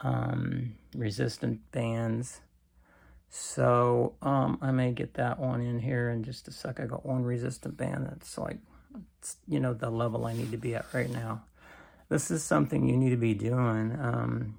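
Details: Adult man with cancer and a bile duct stent that his doctor says needs clearing more often; creaky voice lacking strength, which he says is typically worse in the morning.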